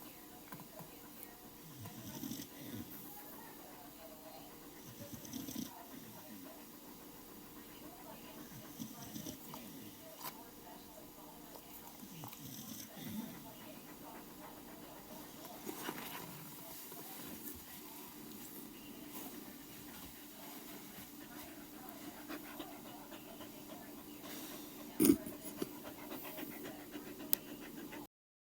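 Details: Soft, rhythmic snoring from a dog that fell asleep for a quick nap after many minutes of rowdy play, each rumble repeating every few seconds with breathing.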